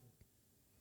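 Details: Man who stuttered when younger, seemingly outgrew it, then had it return from his 40s; makes a clucking sound when his stutter gets really bad; tongue click during stuttering block.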